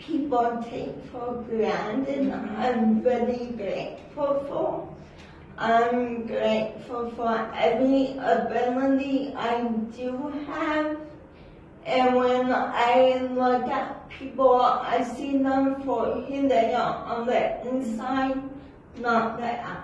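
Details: Dysarthria from cerebral palsy in an adult woman whose speech is not understood by everyone in public.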